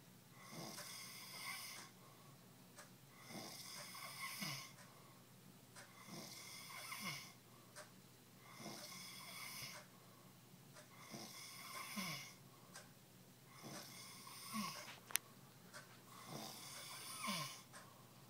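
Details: Adult passed out drunk after almost a handle of vodka: loud rattling snores about every three seconds, roughly 20 a minute, harsh fluttering on each breath in; snoring.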